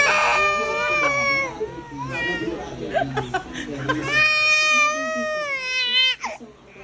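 Loud, drawn-out wails with sobbing catches between them, an infant crying. Music plays in the background.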